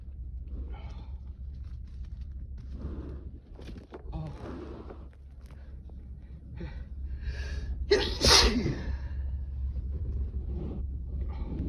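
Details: Adult male in his most intense sneezing fit in a long time: a loud, forceful sneeze burst after several softer breathy catches, over steady low background hum.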